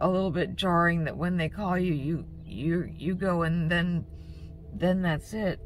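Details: Woman with stroke-like aphasia and a debilitating stutter attributed to psychological trauma and stress during her mother's pancreatic cancer, speaking just after surgery while off her usual medication; word repetitions audible; stuttering with word repetitions.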